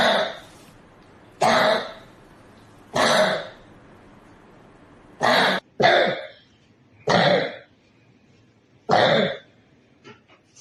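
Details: A 13-year-old boy with a cough lasting 54 days that will not resolve, referred to Istanbul: seven harsh, throaty coughs in about ten seconds, spaced by short pauses, a chronic persistent cough.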